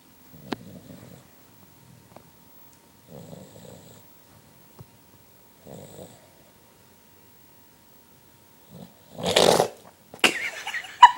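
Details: Resting pet rabbit snoring in a quiet room: soft, rumbling snores every few seconds. Observer worries her breathing seems to stop and suggests getting it checked.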